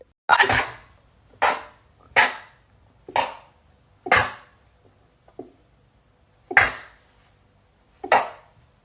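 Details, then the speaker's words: Rapid sneezing run: seven sharp, explosive sneezes in quick succession within about nine seconds. "I had to pull over four nice sneezes no waight 14 sneezes"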